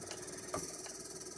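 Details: iGo2 portable oxygen concentrator (1–5 L pulse dose or smart dose, no continuous flow) just switched on and warming up, oxygen reading 69% and climbing: steady mechanical hum with faint rattle and soft periodic pulses, running normally.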